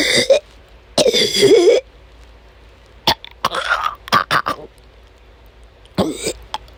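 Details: Adult woman during an asthma attack amid a chronic migraine episode: harsh coughing bursts and drawn-out voiced gagging; she couldn't stop coughing and vomited many times that day, persistent cough with retching.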